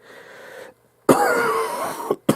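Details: Adult coughing from a cold, ongoing for about the past five days to a week.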